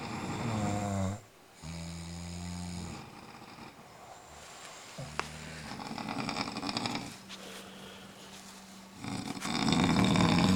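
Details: Snoring contest: loud, drawn-out rasping snores with a buzzing tone, separated by noisier stretches and room sound.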